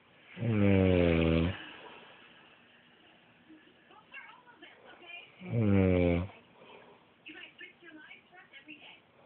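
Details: Person snoring during sleep: two deep, vibrating snores on breathing in, with soft noisy breaths between.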